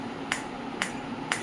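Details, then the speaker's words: Biotronix PEMT loop-applicator pulsed electromagnetic field therapy machine, intensity being stepped up level by level at a base frequency of about 2 Hz: sharp clicks about every half second over a faint steady hum, growing as the magnetic field increases. "in each level you can hear the sound also that magnetic field has been increased."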